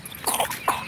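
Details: A dog's cough: two short, hoarse, bark-like bursts.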